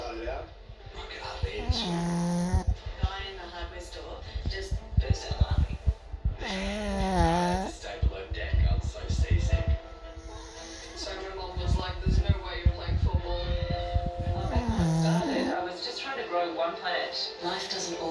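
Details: Sleeping dog, described as dreaming, giving low, rumbling snores partly covered by background music.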